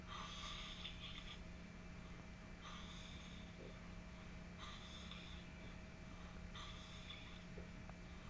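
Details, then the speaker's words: Young man on vacation, sleeping again at 8 am after getting up to use the bathroom: loud rasping snores, four at about every two seconds (roughly 30 a minute), over steady room hum. "Está agarrando vuelo y ahí viene nuevamente su ronquido. Prepárense a escucharlo. Está más de cerca. El bebé no ronca. Aúlla."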